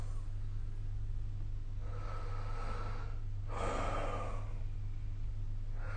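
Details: Snoring recorded with the SnoreLab phone app: soft, breathy snoring breaths over a steady low room hum, with a louder snort-like breath midway.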